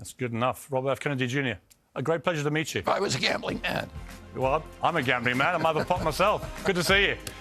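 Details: Adult male speaker; normal voice.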